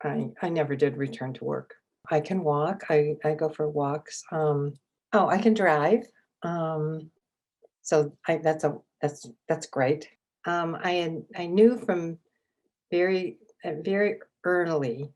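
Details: Adult woman with aphasia and apraxia acquired from a stroke three years earlier, in an intensive aphasia therapy program; word repetitions and hesitations heard; aphasia.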